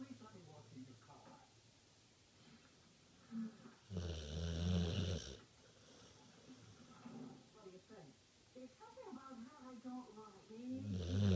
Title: Snoring bubba